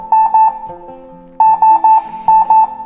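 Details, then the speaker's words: Repeated high-pitched beep clusters with a lower tone sequence between them: a Ruah ventilator's high-pressure alarm, with peak pressure above the upper alarm limit, in a training demonstration. "o valor da pressão de pico ela superior ao alarme máximo o sistema indica alarme de pressão alta eu vou fazer o mesmo para volume minuto"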